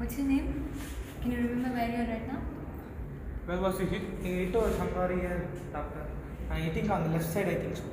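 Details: Adult speaker in an acted clinical roleplay; normal speech.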